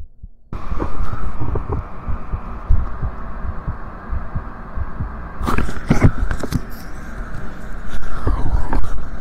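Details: Muffled regular heartbeat thumps beneath a hum, with scraping handling noise partway; normal heartbeat.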